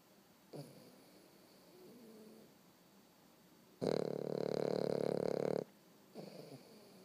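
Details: 13-week-old American Bulldog puppy snoring in sleep: a long, loud rattling snore with quieter breathing before and after.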